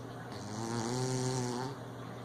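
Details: Lucy snoring: a single low, buzzing snore lasting over a second with a rattling, vibrating tone against steady room noise.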